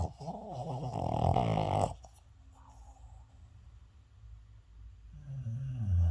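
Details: Snoring during sleep: one loud, rough snore of about two seconds, then a quiet pause and the start of the next low, rumbling breath.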